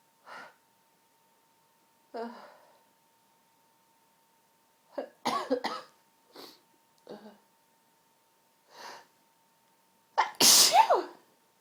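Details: A run of repeated sneezes with breathy intakes between them, ending in a loud final sneeze; an ordinary sneezing fit.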